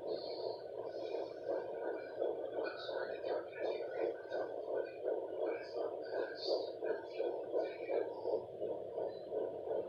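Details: Fetal heartbeat at 12 weeks of pregnancy on a fetal Doppler: rapid, regular whooshing pulses at about 165 a minute through the Doppler hiss.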